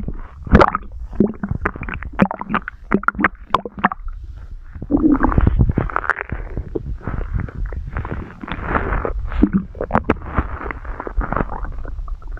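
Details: Close-up stomach growling recorded for ASMR: loud, continuous gurgling and bubbling rumbles with sharp pops, ordinary bowel sounds.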